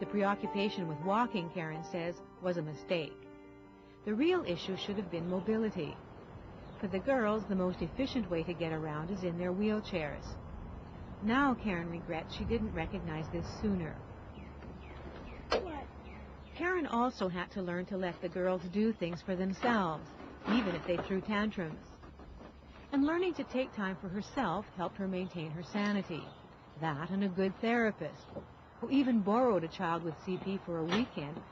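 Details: Adult female narrator over background music; normal speech.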